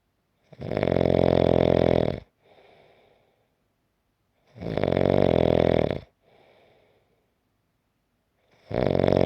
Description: 5-minute clip of snoring.